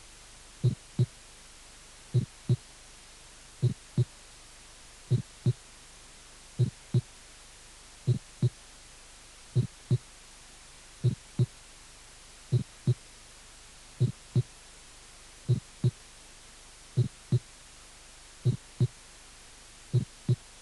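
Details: Slow regular heartbeat near 41 a minute with a sharp early systolic click, an aortic ejection click, from a cardiac auscultation teaching course.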